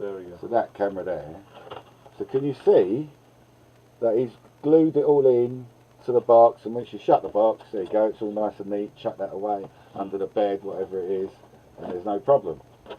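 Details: Adult male speaker; no speech disorder.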